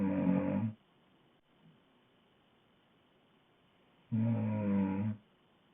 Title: Woman snoring loud